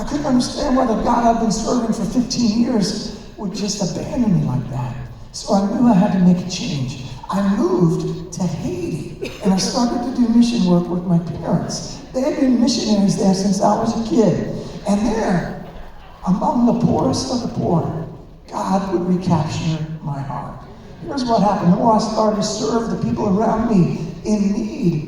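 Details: Man, former record producer, with incurable spasmodic dysphonia developed at the height of his career, progressively worsening until voice was lost, unhelped by vocal coaches and doctors, audible in his voice; spasmodic dysphonia.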